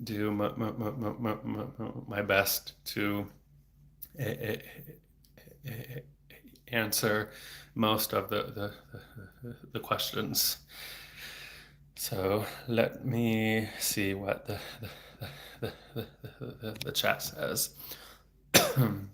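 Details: Adult man who has stuttered since age eight, about 26 years, with speech therapy off and on until his early 20s; no fluency strategies used here; frequent repetitions and blocks felt as throat tension; stuttering.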